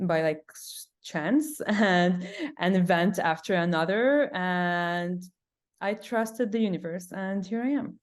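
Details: Adult woman who stutters; stuttering with sound repetitions, and she reports big blocks.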